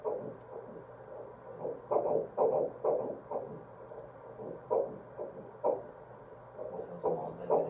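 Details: Rapid rhythmic whooshing pulses, roughly 130 a minute, on ultrasound at a first-trimester prenatal visit, embryo measured at six weeks four days: early fetal heartbeat.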